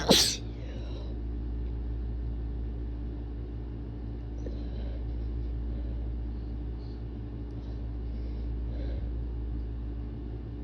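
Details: Induced sneeze from a person sick for a week with bad allergies, described as strong and wet: a single sharp, forceful sneeze, then a steady engine-like rumble.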